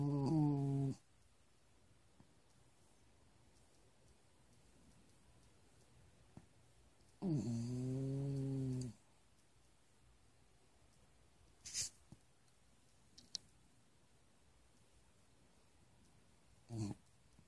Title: snoring